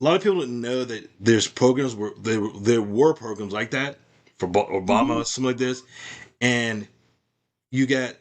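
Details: Adult male with aphasia after a stroke, doing ongoing speech practice as part of stroke recovery.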